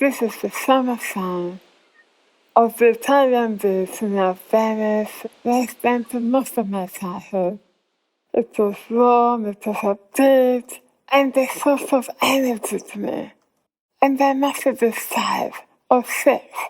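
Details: Adult woman whose tongue was removed for squamous cell cancer and reconstructed with abdominal muscle; afterwards few people could understand her; speech impairment after glossectomy.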